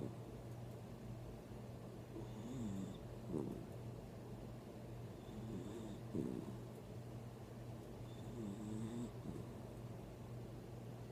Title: is snoring and snoring and snoring